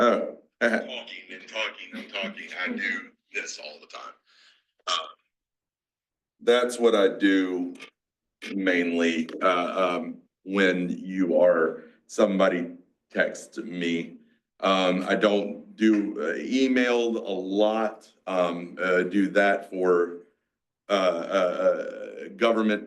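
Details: 47-year-old man with aphasia, a mix of Broca's and Wernicke's, after a massive stroke 6 years ago; he had to relearn to talk after the stroke.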